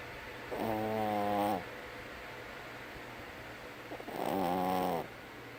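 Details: Snoring: two drawn-out, tonal, buzzing snores about three and a half seconds apart in a quiet room.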